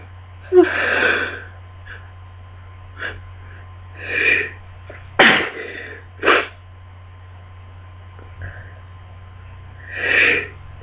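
Several sneezes in a row with catching breaths between them, a sneezing fit during a cold; low steady hum behind.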